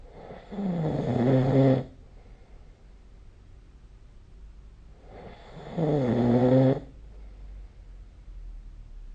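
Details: Two loud, rumbling snores about 5 seconds apart with quiet pauses, in a quiet room; sleep snoring recorded with the SnoreLab phone app.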